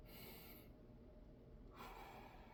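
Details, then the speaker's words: Stethoscope auscultation of an adult male patient's chest, comparing left and right sides in turn: normal breath sounds. "We're comparing that we hear the same thing on the left as on the right."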